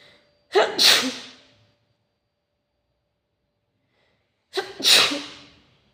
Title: Facetime Sneezing ☺️